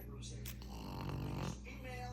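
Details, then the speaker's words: Loud, low, steady rumbling snore from a sleeping, very comfortable pet pug, a small flat-faced dog, with faint room noise. "that's the loudest snore for a small ugly face or a c face he's in Cloud n a very spoiled dog"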